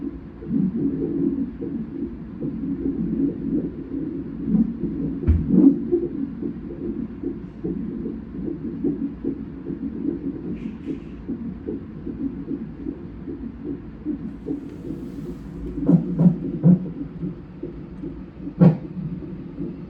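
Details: Rapid, rhythmic whooshing fetal heartbeat on a Doppler monitor during a non-stress test at 37 weeks of a twin pregnancy, with louder knocks and shuffles as the baby moves.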